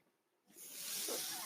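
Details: Sound of a podcast host's own mechanical ventilator: near silence, then a steady rushing hiss of airflow that builds and holds as a breath is delivered.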